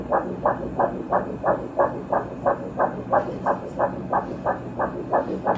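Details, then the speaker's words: Doppler ultrasound of a fetus at about 10 weeks of pregnancy: rapid, regular whooshing fetal heartbeat, measured at 177 beats per minute, called excellent and pumping merrily, a normal fetal heart rate. "You can see that the heartbeat is pumping merrily on the inside."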